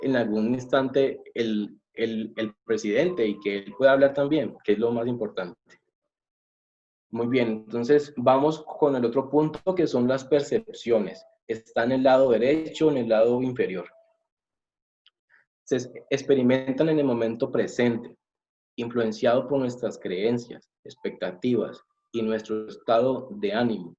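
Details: Adult male who says he is a person who stutters; stuttering.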